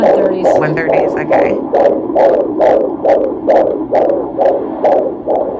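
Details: Rapid, steady whooshing Doppler pulses in the 130s a minute from an active fetus at a 30-week prenatal visit in a third pregnancy: a normal fetal heart rate.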